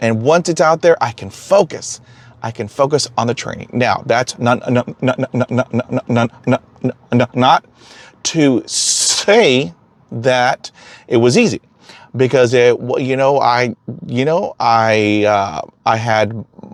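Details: Man who stutters, self-identified, with phrase repetitions heard; stuttering.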